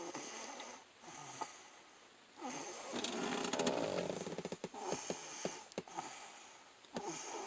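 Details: Sleeping child snoring in a truck, rattling, fluttering sound on breathing in and quieter breaths between, over steady vehicle background noise.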